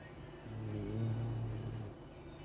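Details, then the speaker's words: A pet pug sleeping, giving a single low, rumbling, drawn-out snore; snoring. "just listen to this little guy puggles snoring"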